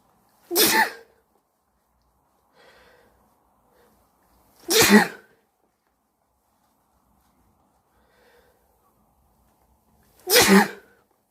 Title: Sneezing while wearing a yellow jacket